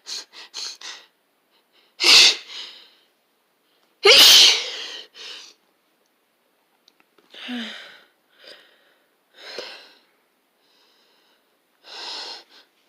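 A run of sneezes, two loud and explosive among several smaller ones, with quick sharp breaths between; a sneezing fit.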